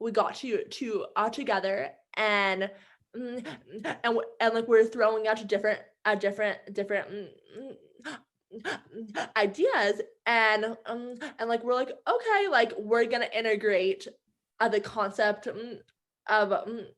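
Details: Adult woman who stutters, with sound and word repetitions; stuttering.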